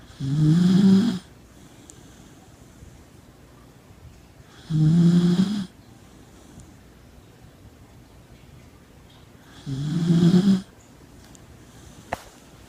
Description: After a big day at the dog park our Corgi Lakota was tired! She's sawing some wood.